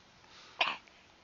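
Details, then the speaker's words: Young girl in respiratory distress with audible wheezing and supraclavicular retractions; a single short, sharp cough without a barking, seal-like quality: cough, not croupy. "you can hear the audible reason you can hear her cough which doesn't sound like she's got a creepy cough"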